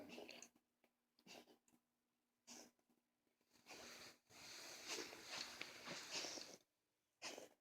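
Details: 17-year-old Maine Coon mix cat recently diagnosed with hypertrophic cardiomyopathy and congestive heart failure with fluid in the lungs gives repeated harsh, hissing cough bursts; cardiac cough.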